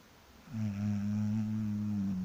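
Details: Woman sleeping after work: one long, loud, low rattling snore in a small room; snoring.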